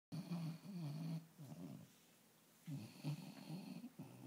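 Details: Dog snoring while asleep lying on owner's lap, wobbling as owner laughs; low rumbling, vibrating snores in bursts with pauses between breaths.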